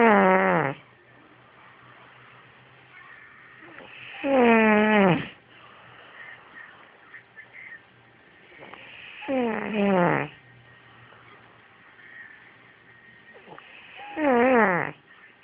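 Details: Kid snoring loudly, first mistaken for a cat or farting: four squeaky, high-pitched whistling snores with falling pitch, about 13 per minute, quiet pauses between; squeaky snoring.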